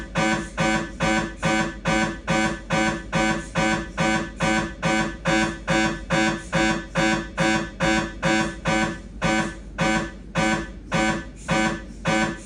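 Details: Siemens MAGNETOM Lumina 3 T MRI, lumbar spine, T2-weighted sagittal turbo spin echo (t2_tse_sag): loud, regular buzzing knocks about 35 per minute, steady rhythmic gradient noise.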